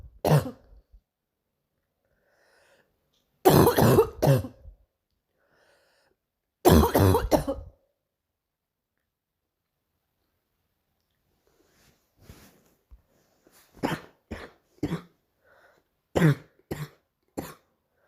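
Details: Morning coughing fit: repeated bursts of harsh coughing in short clusters separated by pauses, with throat clearing; cough.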